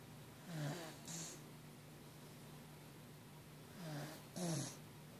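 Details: Pet named Kirby snoring while asleep: two rasping, fluttery breath cycles, roughly 18 breaths a minute, over a faint steady room hum.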